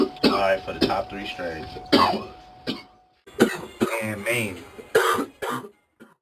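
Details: Coughing moments from a show compilation, apparently after smoking; cough.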